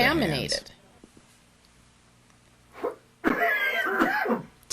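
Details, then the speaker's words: Simulated, deliberately acted coughs in a cough-etiquette demonstration: a couple of short, loud coughs into the sleeve, separated by a pause, with brief voices before and after. "you will now see a series of coughs and sneezes performed by random subjects"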